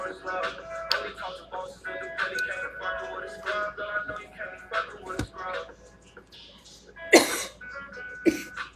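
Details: Person coughing hard after smoking weed on a livestream: background music, then two harsh, forceful cough bursts near the end.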